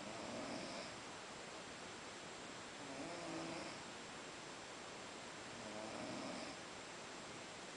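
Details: Snoring after a long day at Boiçucanga: soft, rhythmic snoring, three breaths over about eight seconds, roughly 22 a minute, under steady background hiss.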